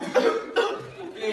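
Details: Two short, voiced coughs in quick succession, then some faint noise, recorded behind the scenes during a shoot; a plain cough.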